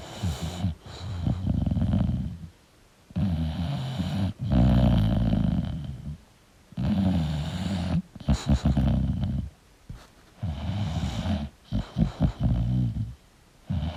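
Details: Loud, rough, rattling snores with snorting bursts, about 16 breaths a minute, irregular, from a sleeping English Bulldog, a flat-faced breed.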